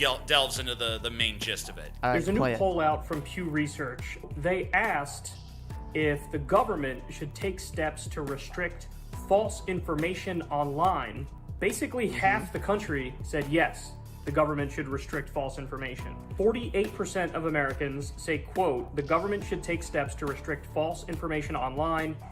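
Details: Adult man speaking; normal speech.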